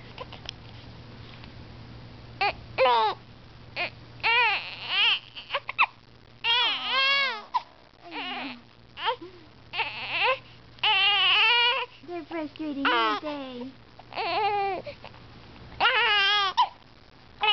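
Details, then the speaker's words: A baby girl gives repeated short, high whimpering cries, each starting with a sudden hiccup catch; lately she cries or whimpers when hiccuping, which worsens the hiccups; infant hiccups with whimpering. "and has a hiccup and lately when she has a hiccup she kind of cries a little or she kind of just whimpers but it makes the hiccups even"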